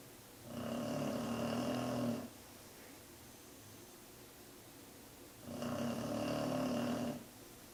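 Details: Pet resting and snoring: two loud, rumbling snores about five seconds apart, each under two seconds, with quiet breathing between. The snoring is loud enough to make the desk and floor vibrate.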